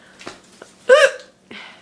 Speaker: my hiccups are a long time runner they annoying too after a while i have a hiccups a lot